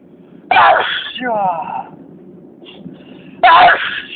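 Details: Two forceful sneezes about three seconds apart, with a short voiced sound after the first, part of a run of repeated sneezing.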